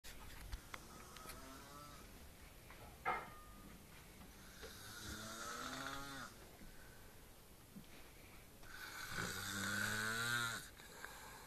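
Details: Snoring from the uploader's brother, one snore sounding like a cow's moo.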